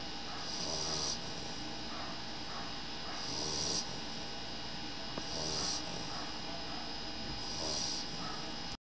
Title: She snores like a man